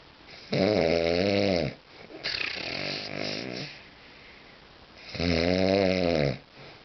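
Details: A brother heard snoring every night through the whole house, even with doors shut: loud, rattling inhaled snores about every four to five seconds, with softer snorts between.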